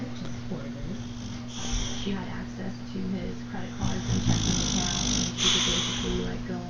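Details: Boxer dog snoring: loud snorting snores over background music and steady hum; ordinary dog snoring.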